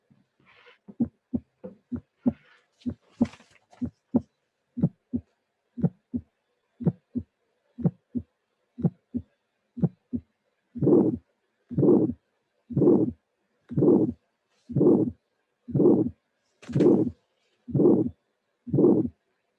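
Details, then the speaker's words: Auscultation recording of bicuspid aortic stenosis: first sound, then an ejection click, then an ejection murmur peaking very early in systole. "clear this is another example of bicuspid heart extenosis this is immediately the recording of the auscultation finding this time here we have first sound and click first sound and click injection murmur"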